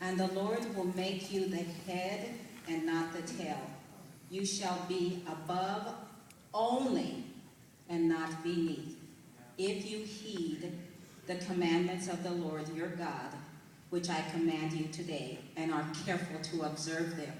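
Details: Adult woman whose speech changed suddenly in November 2004 after a night episode resembling a heart attack or stroke, followed by six months of speech therapy and very slow speech; foreign accent syndrome.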